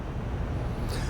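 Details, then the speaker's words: Advocate speaking wrist blood pressure monitor used on an adult with hypertension: steady low motor hum as the wrist cuff inflates during a measurement. "let me do mine just this way you'll hear it oh okay yeah okay listen it takes a second okay no and do not talk until the measurement is complete"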